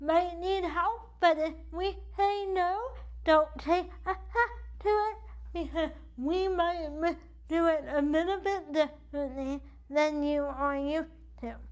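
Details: Dysarthria due to cerebral palsy in an adult woman whose CP affects the right side of her body, impacting her speech and movement; she uses a wheelchair.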